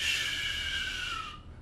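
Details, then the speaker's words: Vocal imitation of the holosystolic murmur of mitral regurgitation: a steady, even, band-like hissing 'shh' held about a second, continuous through systole. "like a band it's going continuous"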